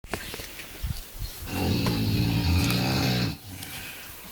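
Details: Single loud, rough, rattling snore of about two seconds with quieter breathing noise around it; heavy snoring in an overweight sleeper said to snore until he vomits.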